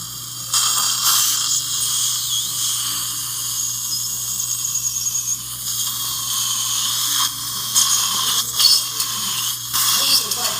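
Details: High-pitched drill whine in bursts with brief pauses and low room hum: a dental drill placing upper mini implants in bone for an overdenture in a female longtime denture wearer whose lower mini implants were already placed.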